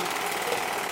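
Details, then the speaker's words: Waterpik WP-100 E Ultra dental irrigator filled with warm water, switched on: steady buzzing, growling motor hum of the pump running. Oral irrigator running. "włączam ką urządzenie warczy w ten sposób"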